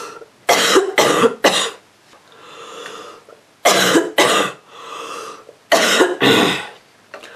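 Three bursts of two or three harsh, rough coughs, with breathing between them: a cold cough in a child.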